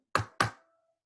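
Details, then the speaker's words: Dull percussion note, demonstrated for contrast with the stony dull note of pleural effusion. "This is going to be a dull noise. सुनो इसे, ये dull noise है."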